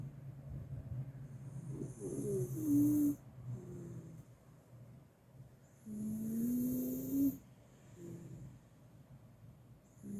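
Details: Rhythmic rattling snores on each breath in, with a whistling note, about 14 breaths a minute in a quiet room; unusually loud, persistent snoring from a sleeping Miniature Schnauzer lying beside another dog.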